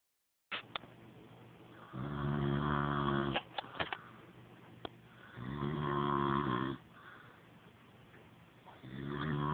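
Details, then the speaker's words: Adult man snoring during sleep: loud, buzzing snores on each breath in, separated by quieter breaths out with a few clicks; snoring. "Hey, you're snoring. Yep. Oh no."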